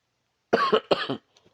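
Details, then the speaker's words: An adult man, excusing his voice, gives two quick, partly voiced cough bursts while speaking in a quiet room. "And please excuse my voice and my coughing."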